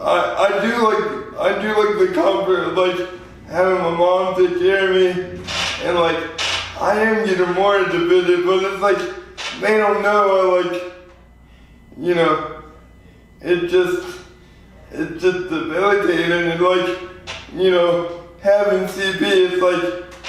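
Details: 24-year-old man with lifelong spastic quadriplegic cerebral palsy following premature birth at 2 lb 4 oz; dysarthria (spastic cerebral palsy).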